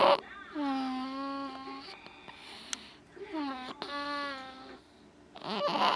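Two long, steady-pitched wails from an infant, each over a second, with a brief pause between: an ordinary infant cry.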